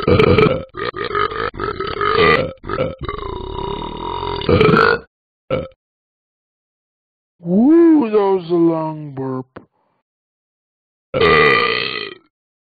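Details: Burps from the Talking Ben the Dog app: several long, loud, rumbling voiced belches with pauses between them; burping.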